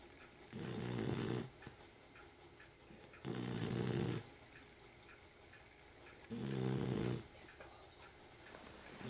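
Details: Dog snoring loudly and steadily: three loud, rattling snores, about 22 a minute, in a quiet room.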